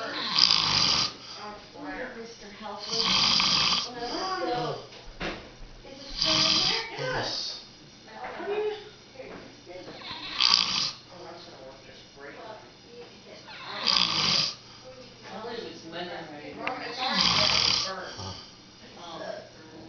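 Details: Rough, noisy snoring bursts repeating every three to four seconds, about 17 breaths a minute; snoring.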